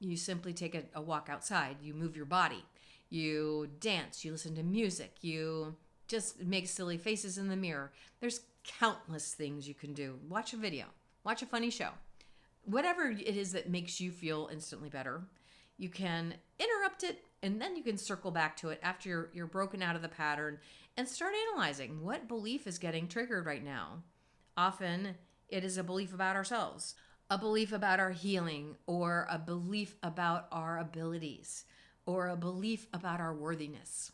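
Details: Adult female speaker; normal speech.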